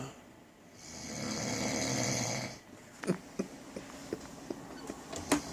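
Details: Snoring: a long rasping snore on the in-breath, then quiet breathing with small clicking snuffles.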